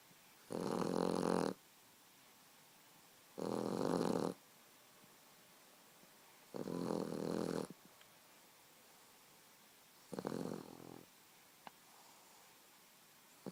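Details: Boxer puppy snoring: four loud rattling snores, each about a second long, separated by quiet pauses of roughly two seconds, in a quiet room.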